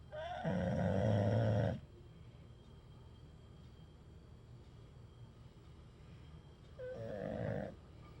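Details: Two long, rough, groaning snores several seconds apart over steady room noise during sleep; snoring.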